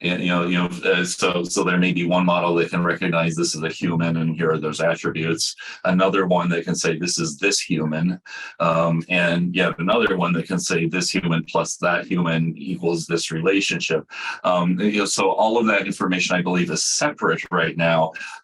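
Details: Adult man speaking; ordinary speech.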